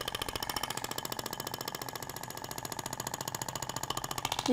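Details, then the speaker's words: Radial shockwave training demo on the abdomen: fast, jackhammer-like clicking pulses as the applicator's weight rests on the skin, moving in a zigzag and avoiding the ribs; the tissue visibly vibrates. "é interessante que você consegue visualizar a propagação da onda você vê que até o tecido vibra né Na hora que você tá aplicando deposita o peso do aplicador na pele"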